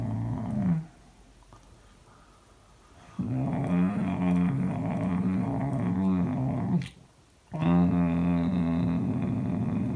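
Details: Adult man asleep, recorded by his wife: long, low, droning groans on the out-breath separated by quiet pauses; catathrenia, a rare sleep-related groaning disorder.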